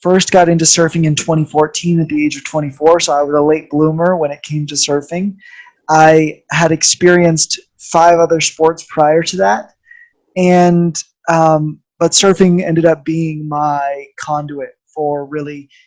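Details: Adult man speaking; ordinary speech.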